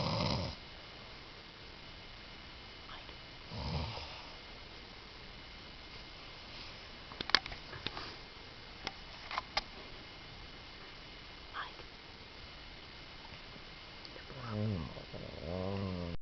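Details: Irregular snoring from a sleeper: faint low snorts and a longer rattling snore at the end, with small clicks and room noise between.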